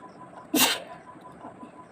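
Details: Single sharp, explosive sneeze deliberately provoked by tickling inside the nose with a twisted sari end, rising out of quiet room noise and fading quickly.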